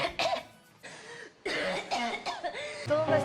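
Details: An adult woman gives a run of short, harsh acted coughs over background music, a repeated cough.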